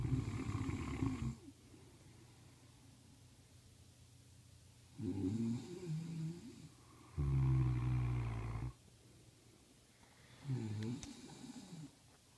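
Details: Loud, low, rattling snores in bursts separated by quiet pauses, from sleeping dogs, one of them a pregnant female, in a quiet room.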